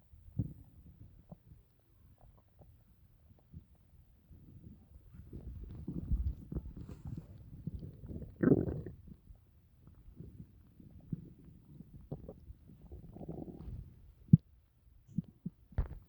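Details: Stomach noises after dinner: low gurgles and rumbles of stomach growling; ordinary bowel sounds after a meal.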